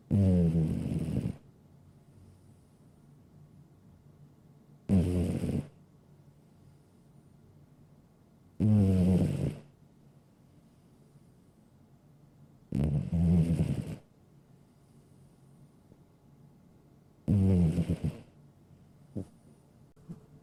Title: Cute Cat Snoring Sound Effect in HD